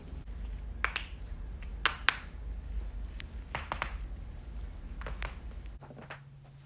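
Several sharp cracks and pops over low hum and room noise; neck joint cavitation, usually harmless.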